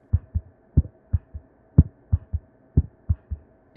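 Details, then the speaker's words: Simulated heart sounds at about 60 a minute, made by the 1910 method of faking sounds through a stethoscope, with a soft third thump after each second sound: a third heart sound (S3) gallop from rapid ventricular filling. "if the heart fills rapidly one can hear a third heart sound like this"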